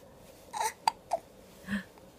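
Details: 8-week-old infant: brief sharp catching sounds with soft breathy noises around them in a quiet room; hiccups.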